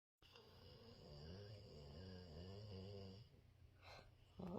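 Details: Pet snoring: one long, low, rumbling breath sound with a buzzing flutter, followed by quieter breathing and faint room noise.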